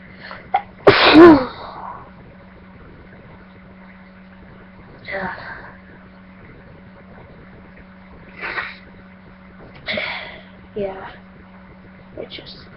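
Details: Adult who feels very sneezy gives one loud, forceful sneeze, followed by quieter breaths and sniffs over a steady background hum.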